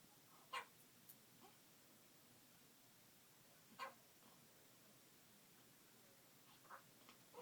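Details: Day-old newborn kitten with hiccups: small, sharp hiccup squeaks spaced a few seconds apart over quiet hiss.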